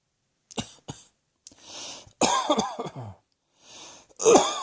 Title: Cross Dressing Coughing 65